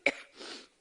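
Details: A woman coughing during a campaign speech in Iowa: a single sharp adult cough followed by a brief breathy, hissing exhalation, part of a coughing fit after which she loses her voice.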